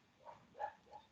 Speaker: that's my dog snoring if you can hear that